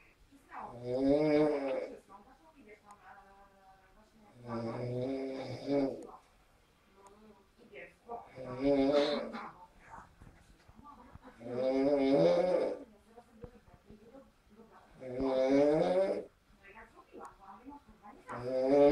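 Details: Loud, rattling snores on each breath, about 18 a minute, with quieter breathing between them, from a man sleeping after a party; ordinary snoring during sleep.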